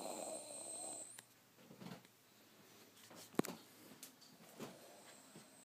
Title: Somebody snoring